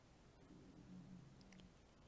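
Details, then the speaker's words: Stomach growling at 8:30 a.m. before morning medication, with nothing in the stomach but Coca-Cola: a quiet, low, rumbling gurgle that rises and fades over about a second in a small room. "Don't know if you can hear my stomach growling or not. It's 8:30 a.m. I haven't taken my morning medication."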